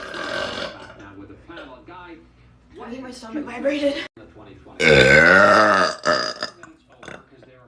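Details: Compilation of loud, drawn-out, gassy voiced belches in a small room; the burper says one tasted of potato; burping.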